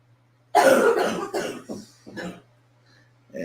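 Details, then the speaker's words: An adult gives four harsh coughs, the first loudest, against a low room hum; the whole household has been coughing for a month with an unidentified illness (possibly COVID); cough. "Every person in my household is coughing like crazy."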